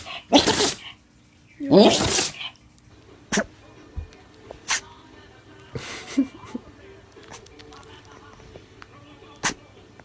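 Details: Animal sneezing from a funny animal compilation, species not stated: two sharp, explosive sneezes followed by a few smaller snorts and clicks.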